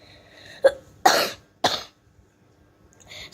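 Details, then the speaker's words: A child with a runny nose, a cough and pain when drinking coughs in three short, dry-to-slightly-loose bursts after a brief throat clear. "I just wanted to let you know that I'm having a running nose and a cough"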